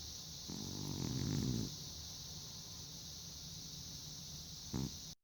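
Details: Old arthritic cat sleeping soundly on a heating pad, snoring and dreaming: one soft, rattling snore of about a second, then a brief second snort over steady background hiss.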